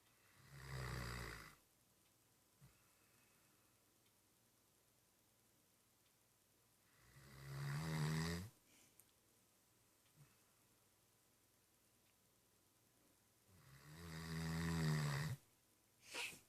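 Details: Snoring in a Great Dane: slow, deep, drawn-out snores with a rising rattle, about seven seconds apart, roughly 9 breaths a minute.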